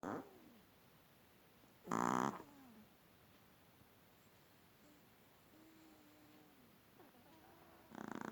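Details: Sleeping small long-haired Chihuahua, vet found nothing wrong: loud, rough snorting breaths a few seconds apart with soft whimpering tones between; sudden explosive snoring.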